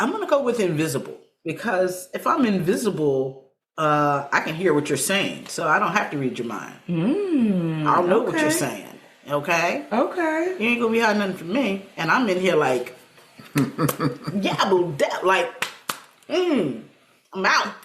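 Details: Aphasia in an adult woman, a stroke survivor with post-stroke aphasia about seven years after onset.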